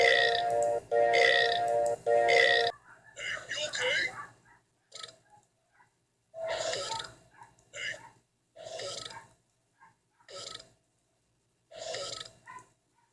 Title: Burps and gluttons 2.0